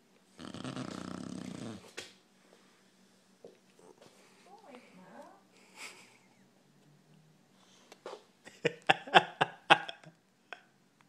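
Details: Sleeping individual snoring: one loud, rough, rattling snore, then soft breathing noises and a few sharp clicks.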